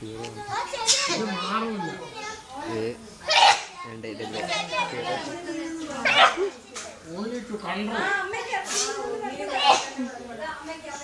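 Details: Several sharp sneeze bursts among lively Malayalam talk and laughter after people inhale snuff, in a comedy scene; sneeze.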